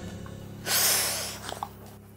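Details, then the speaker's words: A single harsh, wet snort from a fearful dog with esophageal disease (megaesophagus) and daily vomiting, forcing air through a nose blocked by regurgitated residue, over faint music; nasal congestion snorting. "코에 완전히 코맹맹이 소리 있잖아요. 완전히. 그러니까 소리도 왜 그럭그럭그럭 그게 가래 끓는 소리처럼."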